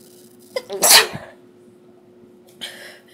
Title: 10 Sneezes.